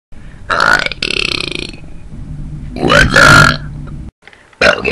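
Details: Repeated voluntary burping in a one-minute belching session: several loud, prolonged belches with a deep, rough, gurgling throaty sound, separated by short pauses.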